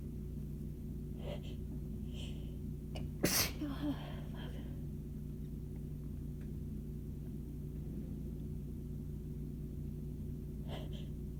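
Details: Intense, itchy, painful sneezing fit, with some sneezes coming from the chest and possible faint wheezing on the exhales: quick build-up breaths, a sharp, forceful sneeze, then gasping breaths. The fit progresses from big sneezes to tired ones.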